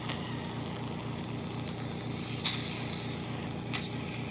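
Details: Steady loud hiss over a low mechanical hum with two brief sharp pops; nasal suctioning during splint removal about a week after septorhinoplasty, loud but not painful.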